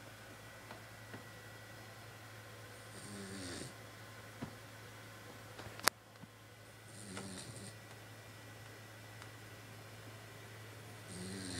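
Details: Congested 3-month-old Boxer puppy snoring while asleep: rough, snuffly breaths about every four seconds, roughly 15 a minute, over a steady low room hum.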